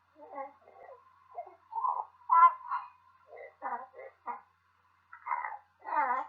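A young child's hoarse, strained voice and a few harsh, bark-like bursts over a faint steady background tone fit croup.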